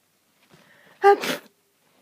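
A short in-breath, then one sharp explosive sneeze in a quiet room; hay fever sneezing.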